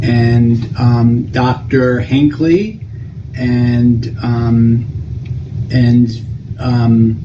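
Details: Adult English-speaking man after a stroke with a left frontal (inferior frontal gyrus) lesion and right arm weakness; difficulty forming complex sentences, repeated mid-sentence stops and word-finding trouble, especially with nouns; finding: Broca's aphasia (non-fluent aphasia).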